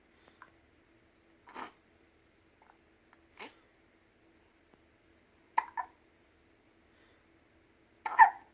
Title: hiccups_20190104